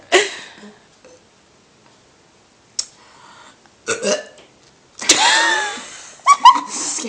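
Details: Several separate throaty burps with quiet gaps between them in a small room; burping.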